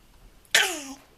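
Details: Baby in a crib with a first cold, coughing, recorded in the morning; the cough of a young infant.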